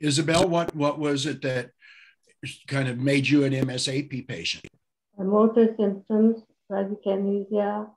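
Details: Adult speakers in conversation; ordinary speech.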